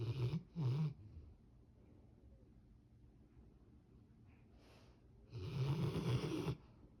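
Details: Labrador puppy in deep sleep, snoring. Finding: snoring.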